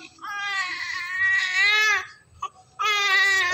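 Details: Newborn female baby weighing 3.5 kg, cleaned and being discharged to her mother, cries loudly with a clear, high-pitched cry in long bursts with a brief pause: a strong, active newborn cry.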